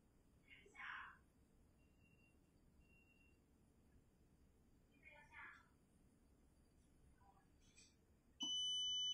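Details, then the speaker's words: Real RWD R419 animal ventilator demo with no animal attached and apnea time set to 15 seconds: quiet room, then a steady high-pitched apnea alarm as the ventilator activates to ventilate after no breathing is detected. "so if there's no breathing for 15 seconds the ventilator will be activated to ventilate animal"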